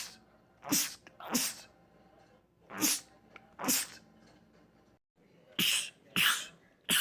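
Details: Male sneezing compilation clip: about seven sharp, explosive sneezes, some in quick pairs, with brief pauses, rapid repeated sneezing.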